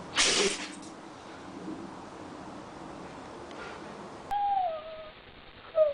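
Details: Dog sneezing: one brief, forceful nasal burst, then quiet room sound and a short high whine.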